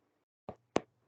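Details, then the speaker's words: Vocal imitation of a normal heartbeat with first and second heart sounds, given as the contrast to a gallop rhythm of three heart sounds above 110 beats per minute. "vamos a encorar un dato clínico que le vamos a denominar ritmo de galope porque el corazón cuando late normal late así"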